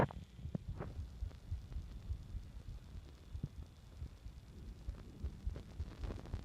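Soft, low thuds repeating through a muffled stethoscope recording with a faint background hum; heart sounds.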